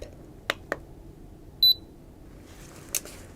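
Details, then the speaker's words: Roleplay exam, repeat forehead temperature check on a patient lying down: a single short electronic beep amid soft clicks and handling noise signalling a finished reading, again normal temperature. "I'm going to double check. Relax. You will hear a beep."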